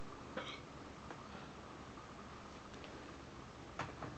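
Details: Hiccups in an adult after wisdom teeth surgery, with gauze in the mouth: two abrupt hiccup sounds a few seconds apart, with steady room noise.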